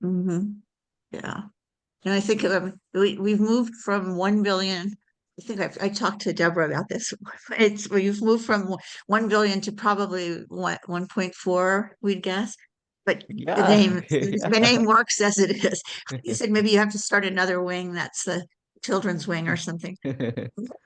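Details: Adult speaker; normal conversational speech.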